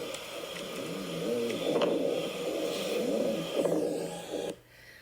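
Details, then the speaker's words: Rhonchi, best heard over the trachea and the main stem bronchi: low, rumbling, snore-like breath sound with coarse rattling from large-airway mucus, clearable by coughing or suction. "So people say it also sounds like snoring and this is what it sounds"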